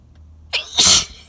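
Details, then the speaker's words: Adult sneezing fit triggered after breathing in outside air from grass and trees in a parked car: a single loud, explosive, very wet sneeze with a short in-breath before it; runny nose. "whoa these are intense i wanted loud and i got it"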